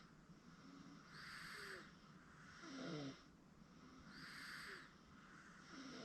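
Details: 8-month-old girl asleep on a futon; soft, rhythmic snoring breaths with a faint whistly edge, about 20 a minute, over quiet room noise. Infant snoring.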